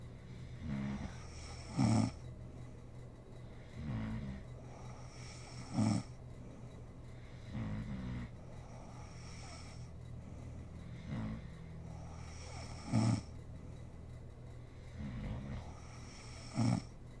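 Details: Adult woman (mother) asleep, recorded for ASMR: soft snoring, about 16 breaths a minute, alternating a low rumble with a short snort on each breath, over steady room hum.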